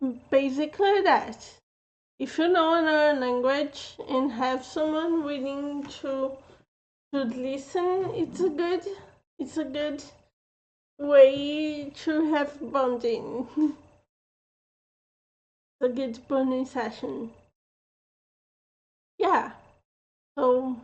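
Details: Adult woman with a self-reported speech impediment who says she slurs a little; mild slurred speech (speech impediment).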